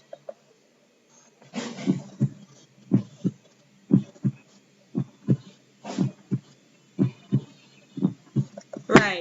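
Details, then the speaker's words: Normal heart sounds via stethoscope: steady paired lub-dub heartbeats at about 60 a minute, a normal heart rhythm. "so let me let you guys hear the normal heart zone so the normal heart zone sounds a bit like this"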